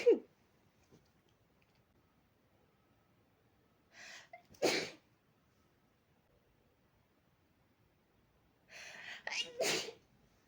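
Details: Person sneezing into a fluffy pillow after burying their face in it until a tickle came: two sneezes in a quiet room, each a brief intake followed by a sharp burst; repeated sneezing.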